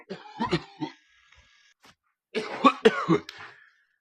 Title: Cough cough, sneeze, achoo.